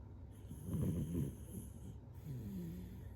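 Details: Ordinary snoring: a low, rumbling, throaty snore on a breath, then a softer fluttering one, over faint room hiss.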